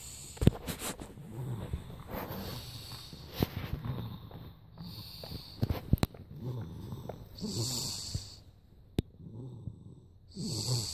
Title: Snoring up a storm